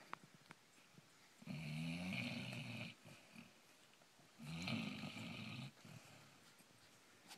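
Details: Sleeping Basset Hound snoring: two long, buzzing, rattly snores on slow breaths about three seconds apart, quiet room noise between.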